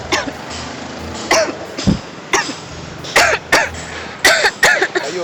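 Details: Series of short, forced adult coughs, some with a throat-clearing quality, over faint street background; deliberately acted coughing near smokers in public for a social experiment.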